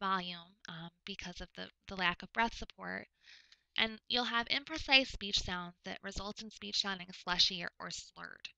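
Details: Adult woman lecturing; typical speech.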